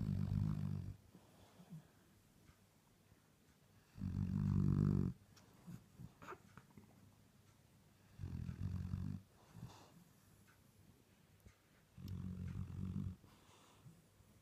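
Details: Sleeping Dalmatian puppy: deep, rumbling snores about every four seconds, roughly 15 breaths a minute, with quiet sniffling between, said to sound like an old man; snoring.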